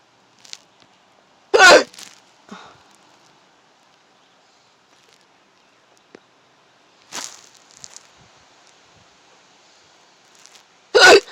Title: hiccups in my car